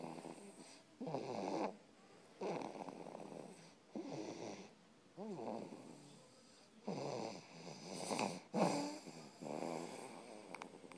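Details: Snoring pet or person: rhythmic rattly snoring on each breath, about five or six breaths in eleven seconds, with a snort near the end.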